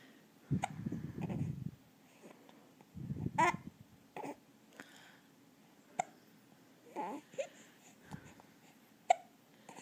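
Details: Two-month-old infant with hiccups: soft babbling with several short, sharp hiccup catches a few seconds apart.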